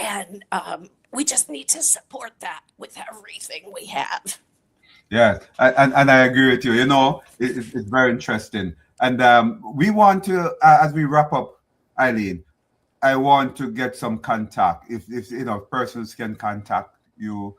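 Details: Adult speaker; normal speech.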